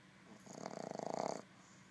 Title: Sleeping Snoring Boston Terrier Puppy